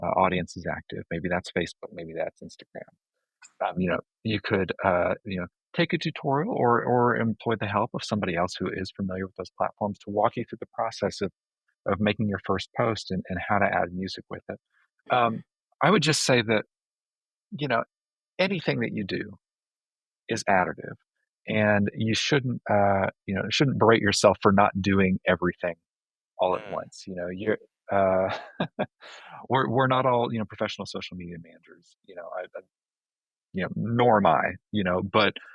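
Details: Adult male speaker; normal voice.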